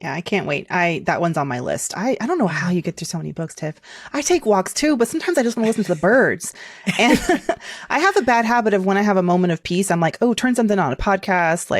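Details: Adult woman speaking; normal voice.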